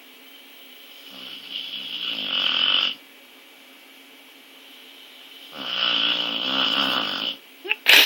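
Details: Female dog who snores very loudly, sleeping: two long, rattling, rasping snores several seconds apart over a steady hum, brief sharp noise at the end.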